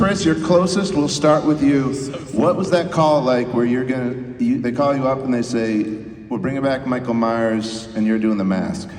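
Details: Adult man speaking into a microphone; ordinary speech.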